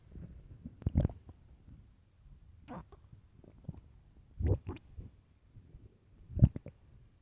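Several low growls and groaning gurgles from the stomach in a quiet room; normal hunger-related bowel sounds.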